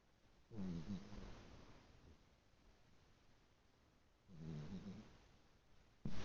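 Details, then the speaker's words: Snoring from a 5-month-old kitten sound asleep on granny's lap: loud, low rumbling snores, with two slow inhalation snores about four seconds apart in a quiet room. "Shostakovich is snoring really loud. Sitting on Granny's lap."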